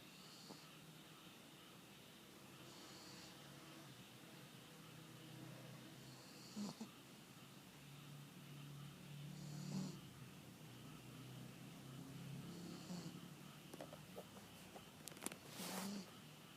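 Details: Light snoring from a pet that barked itself exhausted while its owner was out, then fell asleep as soon as she returned: soft, snorting snores about every three seconds over a steady background hiss.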